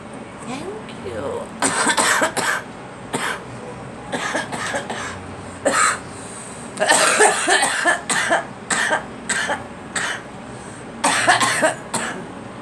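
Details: A girl (child) coughs repeatedly in short bouts, low vehicle-like rumble in background: cough.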